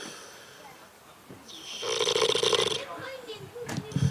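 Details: Sleeping pig snoring: loud nasal snores with grunting, snorting breaths; normal snoring in sleep.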